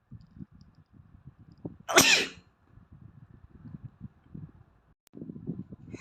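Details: An Asian boy with allergies sneezing: a single sharp, hissing sneeze over quiet background rustling.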